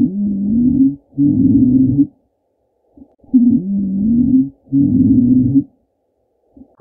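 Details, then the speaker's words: Stridor: a harsh, high-pitched, crowing noise on both inspiration and expiration, arising at the larynx and linked to a foreign body lodged in the upper airway. "Le strid d'or c'est un bruit qui est aigu qu'on entend à l'inspiration et à l'expiration et c'est un bruit qui ressemble à lorsqu'on aval un corps étranger. C'est un bruit qui se fait au niveau du larinx ici."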